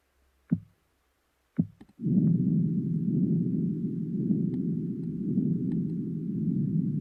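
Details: Program-generated simulation of pulsatile tinnitus and ear clicking: two sharp clicks, then a steady low rumbling whoosh.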